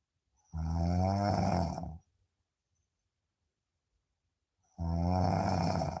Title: Deep sleep 😴 sound on 😅 snoring 🤣 #deepsleep #snoring #sleeping